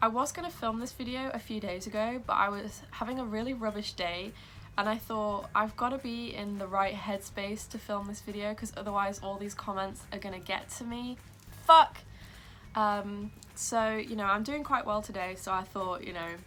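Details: Young woman with Tourette syndrome that began at age 12, tics sometimes interrupting her speech; vocal tic (coprolalia) in Tourette syndrome.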